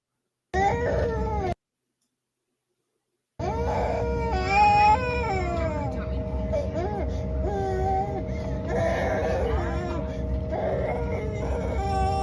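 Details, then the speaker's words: Infant crying on an airplane, recorded by a fellow passenger: sustained rising and falling wails over steady low cabin noise. "This is baby crying from some dude on bar stool."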